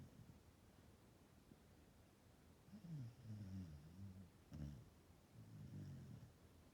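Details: Aging Australian Shepherd dog snoring while napping: soft, low, rumbling snores with a faintly tonal, groaning quality in a quiet room.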